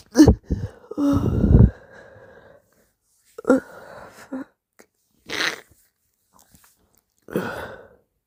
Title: Very wet sneezes + moaning amd whining #sneeze #sneezing #snz